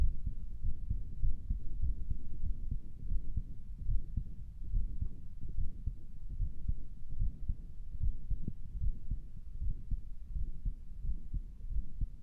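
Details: Self-recorded heartbeat through a stethoscope that sounded weird to the listener: muffled low thumping beats with heavy rumbling noise; a murmur cannot be confirmed.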